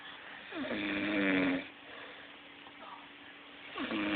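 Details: Sleeping person giving a long, loud, tonal rattling snore on one breath, a quiet pause, then the next snore beginning; snoring.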